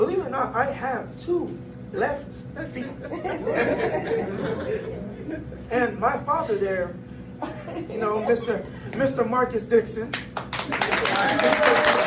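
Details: 22-year-old man born prematurely at about one pound, vocal folds developing after birth and still not closing fully; glottic insufficiency voice disorder.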